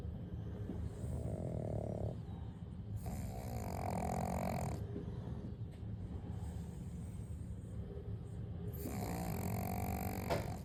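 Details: Pug dog snoring calmly with loud, rumbling snores in slow repeated breaths and raspy fluttering on some breaths; flat-faced dog snoring.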